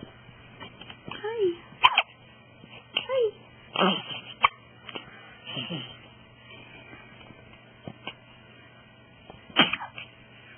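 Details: One-week-old baby boy with hiccups and sneezes: several short, sharp bursts in a quiet room, with a soft adult voice and baby sounds.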